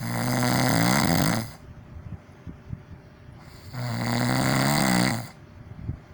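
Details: ASMR recording with sounds made deliberately loud for the video: two loud, rough, rattling inhaled snores separated by quiet breathing pauses; exaggerated snoring.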